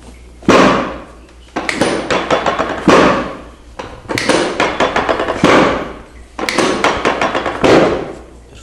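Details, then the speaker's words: Repeated sharp thuds and rattles every two to three seconds as a chiropractic drop table section releases during a woman's adjustment. "Ora il lettino cadrà un po', sentire il rumore."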